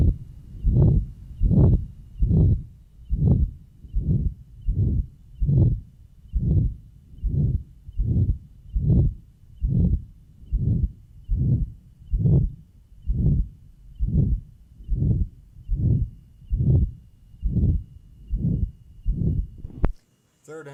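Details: Johns Hopkins heart sound laboratory recording from 1955, pulmonic area: regular heartbeat near 71 a minute, each beat a harsh swelling murmur; pure pulmonary stenosis, diastolic "whisp" noted at the 3rd left interspace.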